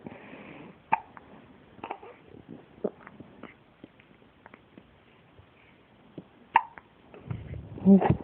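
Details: Baby girl with hiccups: two sharp, brief hiccup sounds several seconds apart, with soft baby noises and room sounds between them; infant hiccups.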